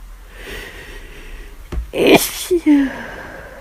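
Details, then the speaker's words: Adult with flu, constant nasal itch and frequent sneezing, aching from sneezing; a sharp, noisy sneeze after a short inward catch, then small sniffing sounds in a quiet room. "I just need to sneeze all the time."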